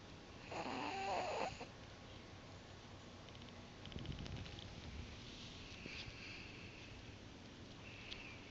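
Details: A rough, fluttering snore-like noise from a pet snoring while awake, breathing through a noisy upper airway, over quiet room noise.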